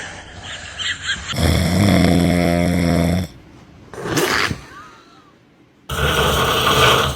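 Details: Dad snoring with baby nearby: loud, harsh, rattling snores on breathing in, separated by quieter pauses; ordinary heavy snoring.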